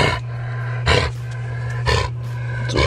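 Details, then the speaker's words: Dog with kennel cough, off his food and standing still, while a housemate dog also has it: four short, harsh, honking cough bursts over low room hum. "so now samson has kennel cough i'll call the vet first thing in the morning and see if we can get him a prescription too"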